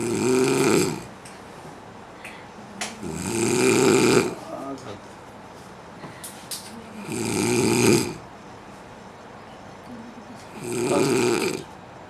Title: funny video of snoring man